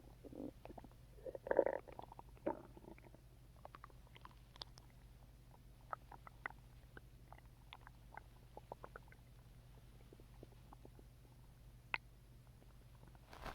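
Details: Gurgling stomach rumbles with scattered small pops and clicks of active bowel sounds, heard after drinking Coke, over a steady low hum; bowel sounds (borborygmi).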